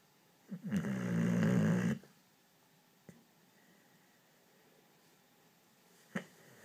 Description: My boxer is snoring like crazy when she is sleeping!